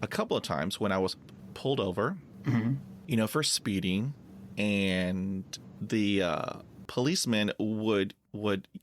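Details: Stuttering in an adult man who has stuttered since childhood and says he uses filler words to get past blocks.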